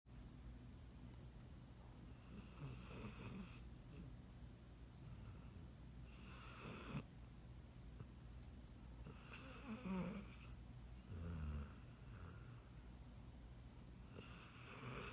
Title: Snoring Doggo